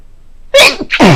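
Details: Repeatedly sneezing on waking in the morning, unsure if pollen is the cause after a day of rain: a single loud, sharp sneeze after a quiet moment, with a brief trailing breath.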